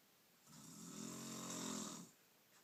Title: Mother snoring